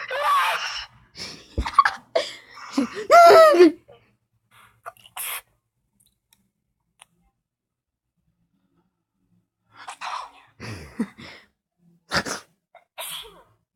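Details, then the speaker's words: People sneezing with their eyes open: several sharp sneeze bursts from different people, some with a gasping intake first, separated by quiet gaps and brief voices. "yeah oh okay so um this was the people sneezing with their eyes open the video"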